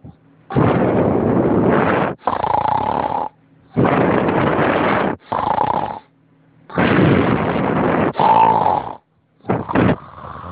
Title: Snoring Edition II